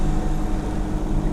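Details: Steady low motor hum and rumble of an Evox home oxygen concentrator running in normal working condition after installation; its normal operating sound.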